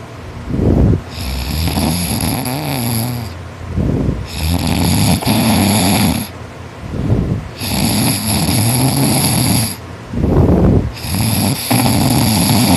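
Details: Heavy snoring during sleep in a boy who snores loudest when tired; loud, harsh rattling snores with each breath, about 18 breaths a minute, with quieter breathing between.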